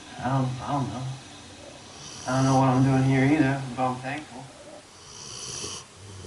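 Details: Snoring recorded January 2016 while sleeping: long, low, rumbling voiced breaths with a rough buzzing quality.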